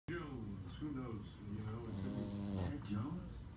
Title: Merle French Bulldog puppy snoring 😴 | Oden The Frenchie